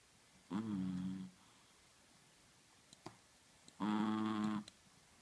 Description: Чихуахуа храпит:)Chihuahua schläft und schnarcht;) gucken bis Ende;)Chihuahua sleeps and snores.